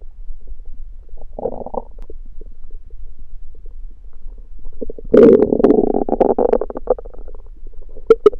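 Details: Stomach growling at night after fasting: loud, gurgling, drawn-out growls and bubbly rumbles, hunger borborygmi.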